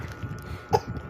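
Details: Child pretending to cough and sneeze: a single short, sharp cough-like burst amid low room noise; simulated cough.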